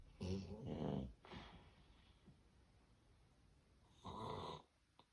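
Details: Severe obstructive sleep apnea snoring: loud, irregular snorting snores with a quiet pause in breathing, then a sudden forceful snort.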